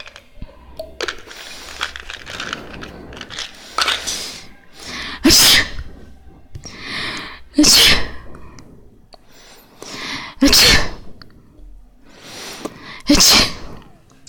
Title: 6.1A person is taking medicine while sneezing on a book